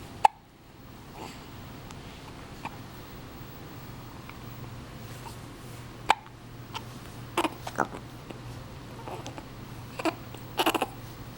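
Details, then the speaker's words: Brief sharp catches recurring irregularly over low room hum from a subject who also chatters and seems to dislike them; hiccups. "You don't like those hiccups, huh? You don't like those hiccups?"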